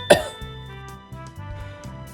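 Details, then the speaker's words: Single demonstrated cough, sharp, followed by background music; shows the right way to cough in public (into elbow, hands, mask or shirt) to limit germ spread during COVID-19. "if you're going to go in public and you're going to cough here is the right way to cough in public"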